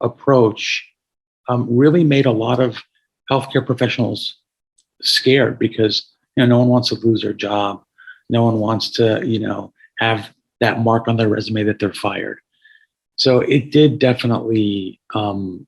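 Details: Adult man with a paralyzed vocal cord after being shot in the throat at 17, with carotid injury, tracheal rupture and about 6 months of tracheostomy; he notes audible raspiness; hoarse voice from vocal cord paralysis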